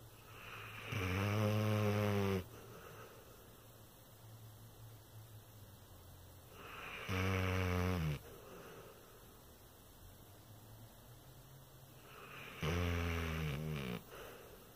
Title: sucking and snoring